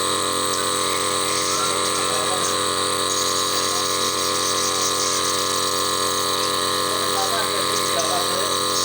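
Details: Steam inhaler running for a baby with cough and cold, as relaxation therapy during baby physiotherapy: steady mechanical hum and hiss with faint room sounds.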